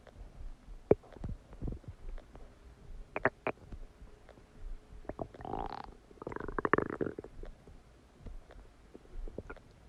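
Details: Stomach after eating a cheeseburger: irregular gurgling, bubbling and rumbling bursts; normal digestive borborygmi.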